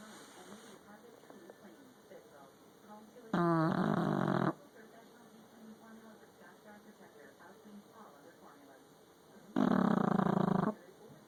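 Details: Two loud, rough snoring breaths about six seconds apart over quiet room noise; snoring.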